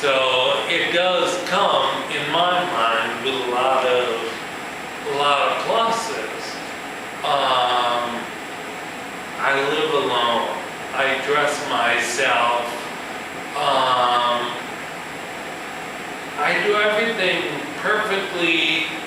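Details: Adult man with ataxia, a neurological disorder in which cerebellar cells die, affecting his balance and speech; he says his speech has improved. Real speech showing ataxic dysarthria.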